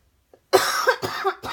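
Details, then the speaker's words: Short run of three harsh, rough coughs from an adult woman who says she is coughing like crazy and her voice is getting deeper, unsure if it is a respiratory illness. "I don't know this isn't like a weird respiratory thing that's coughing like crazy"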